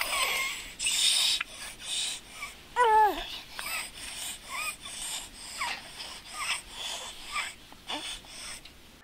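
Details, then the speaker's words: Noisy, effortful breathing in a child with croup: a harsh, high-pitched crowing noise on breathing in, from upper-airway obstruction at the larynx and trachea rather than the lungs. Finding: inspiratory stridor. "is a high-pitch noise that comes about with an upper Airway instruction usually on inhalation it is not wheezing which is heard down in the lungs this is going to be more up in the throat"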